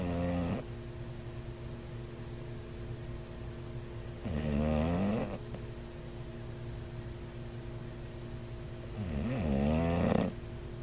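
Loud, rattling snores from a sleeping dog, about 12 breaths a minute, over a steady hum in the room.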